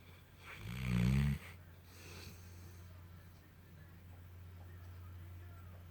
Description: Funny Mastiff dreams while snoring with tongue out